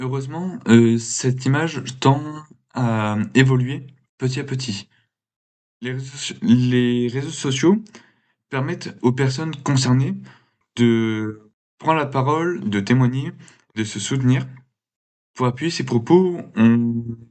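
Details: Male speaker who has stuttered since he began to speak; stuttering.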